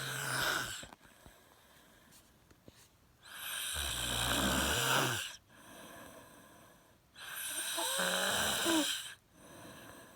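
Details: Calm, steady snoring.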